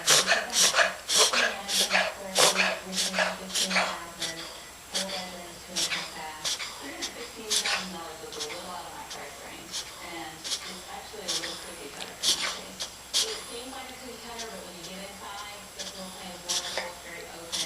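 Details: Puppy having an episode of rapid, repeated noisy breaths with a whistling, whiny tone, wheezing-like; a similar episode occurred once about two months earlier; owner unsure if normal.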